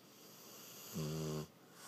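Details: Dog sleeping: one brief, buzzing snore about half a second long, over steady background hiss; snoring.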